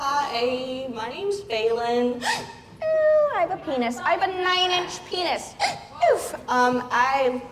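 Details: Woman with Tourette syndrome producing involuntary vocal tics while speaking on a convention panel, seeking doctors who might help; vocal tics with coprolalia (Tourette syndrome).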